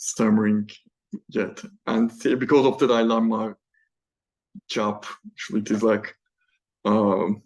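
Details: Male PhD student who stammers, speaking spontaneously in a Q&A without the self-developed fluency method he uses for prepared talks; stammering.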